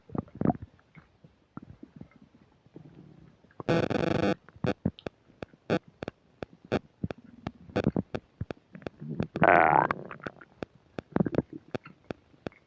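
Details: While eating a burger and fish fries with self-described upset digestion, close new microphone picks up loud, active stomach rumbling: frequent gurgles, clicks and pops with a couple of longer rumbling runs; bowel sounds (borborygmi).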